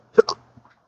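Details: A single abrupt, voiced hiccup with a short catch, part of persistent chronic hiccups with occasional burps, in daily episodes lasting up to 12 hours since December 2015 after surgery with nerve damage.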